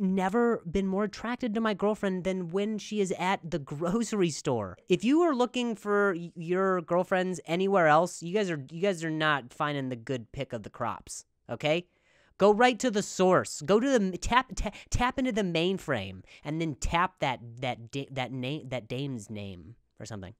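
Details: Adult male comedian who speaks with a stutter, with repeated words and phrases; stuttering.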